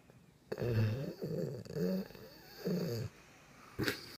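Repeated low, fluttering snores about 30 a minute, some with a wheezy edge, in a quiet room; snoring.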